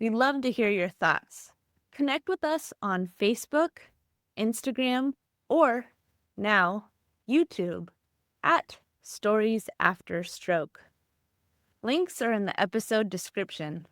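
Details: Adult woman, podcast narration; Normal speech.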